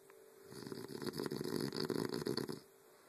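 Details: A man snoring while napping in bed, loud enough to be heard from another room over a TV: a single long, fluttering rattle on one breath lasting about two seconds.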